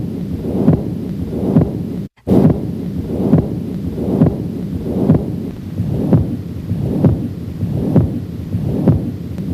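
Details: Heart auscultation at the aortic area with background music: patent ductus arteriosus murmur.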